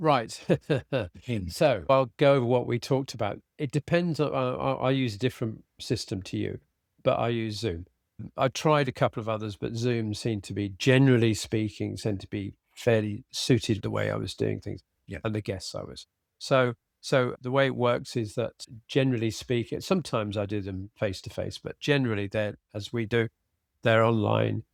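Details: Adult man with aphasia after a sudden stroke, treated with speech and language therapy and flashcard vocabulary work; still has word-finding difficulty, cannot read a script, and tires as the day goes on; aphasia.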